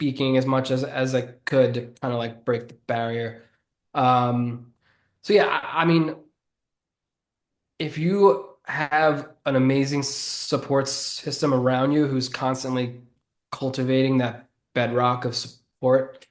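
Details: Adult man who has stuttered since childhood and says it is audible in his speech. Finding: stuttering.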